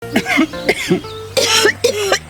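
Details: Four acted adult coughs over steady background music in a Korean public tuberculosis campaign ad: a cough is a signal, and people aged 65 and over should get a TB screening once a year.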